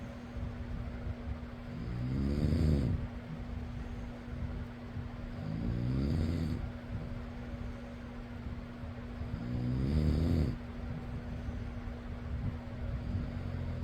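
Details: Person snoring: three soft, fluttering snores about every four seconds, roughly 15 breaths a minute, over a steady fan hum; snoring.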